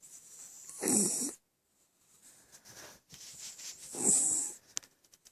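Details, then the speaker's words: Female West Highland White Terrier fast asleep: two hissing, rattly snoring breaths with quieter breathing between; snoring. "little fat body here. A snoring Westie."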